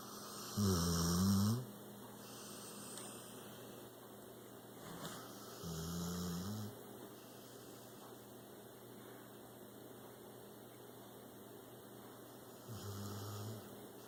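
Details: Six-year-old rescued pit bull snoring while out cold: three low, rumbling snores spaced several seconds apart over steady room hum.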